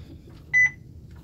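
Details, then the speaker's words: A single short double-toned electronic beep from an IV infusion pump during a nursing demonstration of primary and secondary IV setup: infusion pump beep. "Make sure my clamp is open or it'll beep at me. Occluded."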